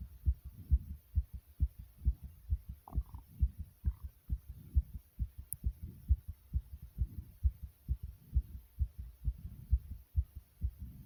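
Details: The uploader's own fast heartbeat: rapid, regular low thumping at roughly 130 beats per minute.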